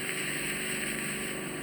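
Steady loud hissing suction roar without pause, the sound of a full-size suction tube clearing impacted ear wax.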